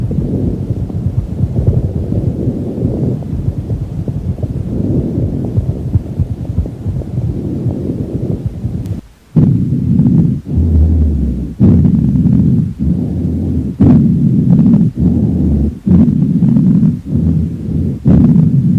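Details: Stethoscope auscultation of a horse's chest: low, muffled rushing sounds; normal equine lung sounds.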